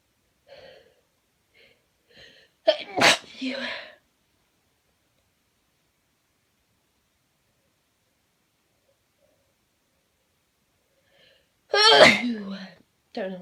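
Two loud explosive sneezes, each with a short in-breath before it, separated by about eight seconds of quiet. Ordinary sneezing.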